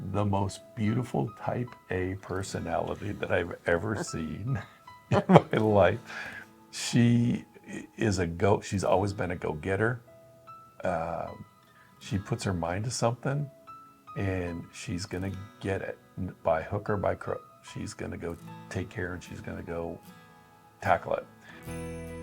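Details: Adult man speaking; typical speech.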